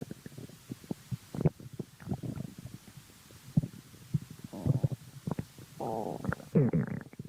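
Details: Person's stomach growling: quiet bubbling and popping gurgles with a couple of longer low rumbles, over faint background hiss.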